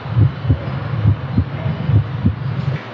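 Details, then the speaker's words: Auscultation teaching demo, patient standing, Botkin-Erb point (third left intercostal space at sternum): clear, rhythmic heart sounds about 70 beats per minute, no murmur; normal heart sounds, no pathology found. "В данном случае патология не обнаружена, тоны сердца ясные, ритмичные."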